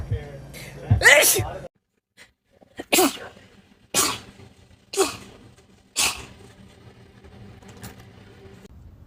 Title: TikTok Rapid Sneezing Compilation